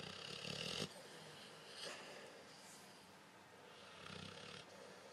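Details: Overweight blue-nose pitbull dog asleep with facial movements, with harsh, noisy breathing swelling and fading over a hissy background; loud snoring.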